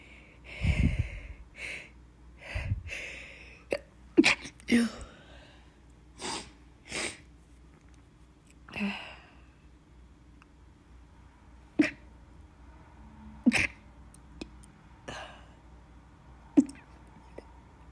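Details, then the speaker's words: Person allergic to dust, sneezing after cleaning, recently hospitalised a week for stomach issues: run of many sharp sneezes with gasping in-breaths between, eyes watery; repeated allergic sneezing. "I mean, my eyes are watery because I'm sneezing a lot."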